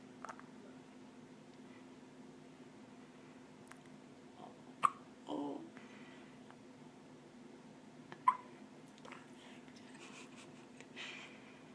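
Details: Faint, abrupt little catches in breathing, a few over several seconds, against quiet room hum, from a four-day-old newborn; hiccups.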